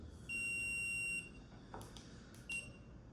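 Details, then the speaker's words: Dental curing light during orthodontic indirect bracket bonding, left on between teeth with its beep used to time 5-second gingival cures: a long, high-pitched beep, a few faint clicks, then a short beep. "I'm just going to listen for the beep of the light and"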